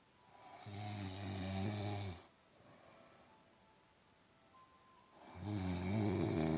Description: Asian who snores very loud